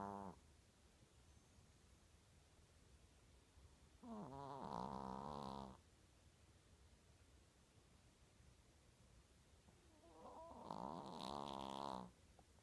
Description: Chico snoring very loudly